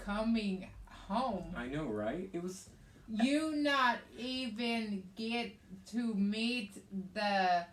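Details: Adult woman with aphasia, also affecting reading and writing, after a hemorrhagic stroke on May 19th 2020 with right-sided hemiparesis, brain surgery and an ICU stay; aphasia.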